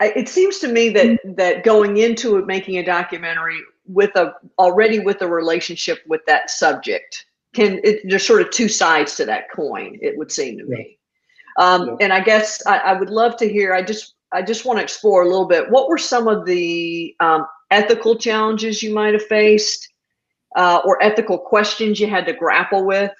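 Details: Adult speaker; normal speech.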